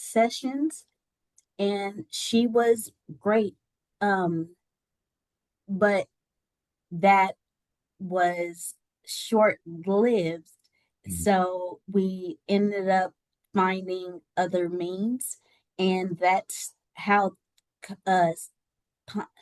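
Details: Adult woman with aphasia after a stroke that left her unable to talk and partially paralysed on the right side, speech regained with therapy.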